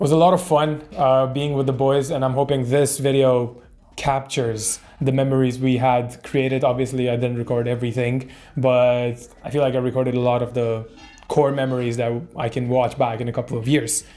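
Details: Adult man speaking; Normal speech.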